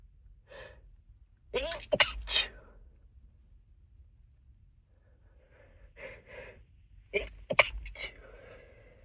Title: A lot of nose blowing and stifled sneezes